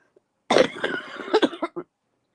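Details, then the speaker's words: Adult sick about a week, illness starting with sore throat, taking over-the-counter Robitussin: a rough, barking run of coughs trailing into short hacks, described as croupy; croupy cough. "Yeah, Gemma, it's a nasty one too. It's one of those croupy coughs, that."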